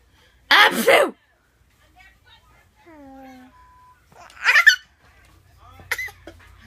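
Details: Adult's fake sneeze: two loud explosive sneeze bursts, with a 6-month-old baby's short laugh-like sounds between and after them; sneezing, acted.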